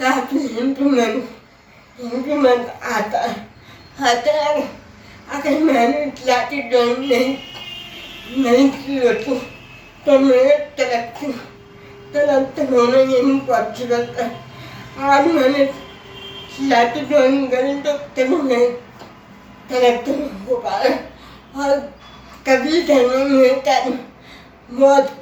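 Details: Adult woman with cerebral palsy who speaks with difficulty: dysarthria (cerebral palsy).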